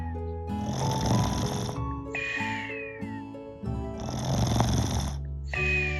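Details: Toddler girl asleep after playing, snoring: two long, noisy snoring breaths about four seconds apart, partly masked by background music.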